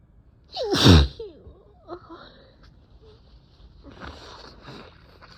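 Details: Allergic sneeze in someone allergic to cats, with a sore throat and eyes barely able to open after a tickling nose: one loud, forceful sneeze followed by soft breathy sounds.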